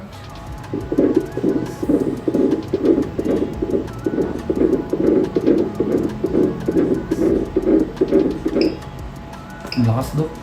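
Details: Fetal heartbeat on Doppler at a late-pregnancy check-up close to delivery: rapid, regular galloping whooshes about 136 a minute, strong and normal, which the doctor calls a good heart; faint room noise.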